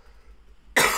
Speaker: Sorry, stream, I'm coughing.